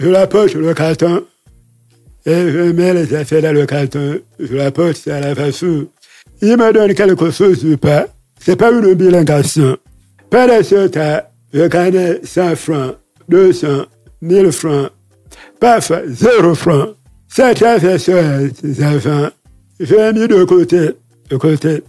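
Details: Deaf speech from a man who lip-reads and speaks French, with hearing loss caused by a childhood illness, which he says left his voice not normal.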